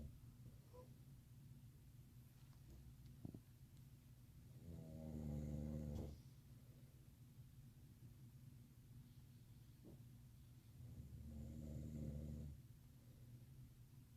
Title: Son can't sleep because dad snores